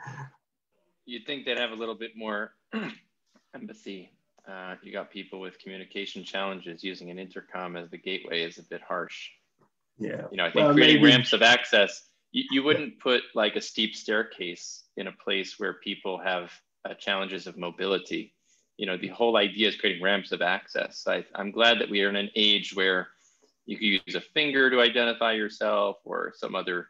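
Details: Adult man speaking; ordinary speech.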